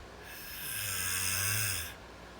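One drawn-out, hissing snore with a low buzzing flutter beneath it, lasting about a second and a half. Ordinary snoring.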